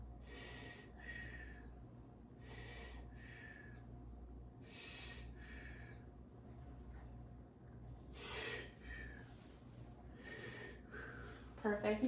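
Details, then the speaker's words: Normal bronchial and vesicular breath sounds during a student nurse practitioner's exam of a male patient taking deep breaths, stethoscope at the right lung apex: five clear inhale-exhale cycles without wheeze or crackles. "i'm going to now um uh listen to your lung sounds we're going to go up to the apex which is right above the right hoovicular line to listen to the lungs better we're listening to bronchial and vascular breast sounds take deep breaths"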